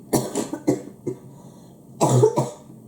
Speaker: I'm sorry if you guys are really annoyed by my cough